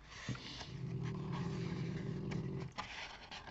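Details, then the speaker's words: Snoring heard in the background from someone sleeping nearby during a talk-over recording. "ronfle, là, vous voyez, vous entendez derrière, comment ça... Elle dort, elle."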